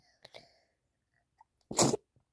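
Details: Young child, said to have a nasty cough, on waking in the morning: a couple of soft catching breaths, then a single sharp, explosive sneeze; an ordinary sneeze.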